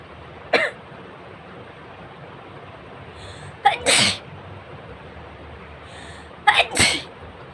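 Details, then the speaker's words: Deliberately provoked sneezes in a sneezing challenge, nose tickled with an object: three sneezes in quiet surroundings, the later ones doubled with a brief catch before each burst. "বলো, প্রত্যেক বাড়ি কিন্তু হাঁচি হলো, একবারও বাদ যায়নি। তো 3 বার করলাম, 3 বারই পরপর হাঁচি হয়েছে।"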